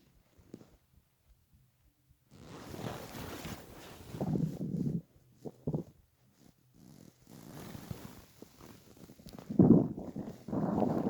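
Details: Stomach growling while lying on a bed after about 28–30 hours without food, weight down from 65–67 kg to 49: quiet start, then long low rumbling and gurgling with louder growls; hunger borborygmi.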